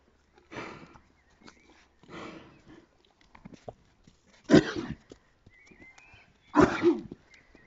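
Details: Two rough, noisy laboured breaths then two forceful coughs from OJ, a horse with allergies, worse in summer, during an asthma attack with difficulty breathing; equine asthma with coughing.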